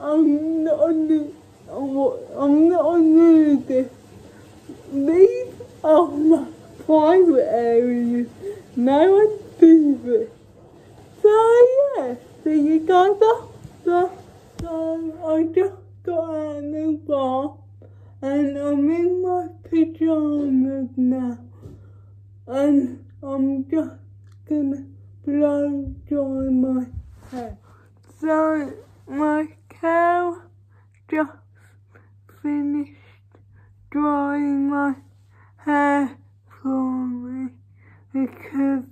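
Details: Dysarthric speech in a female vlogger with cerebral palsy, real everyday speech.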